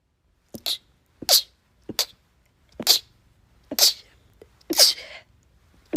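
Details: From a short compilation of rapid sneezes: a run of six or seven sharp, high-pitched sneezes in quick succession, about one a second; repeated sneezing.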